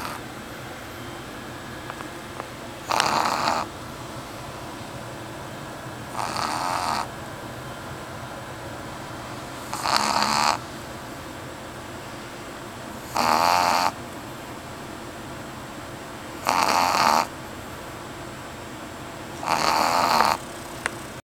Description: My pugshire dog Eevee snoring while I try to work.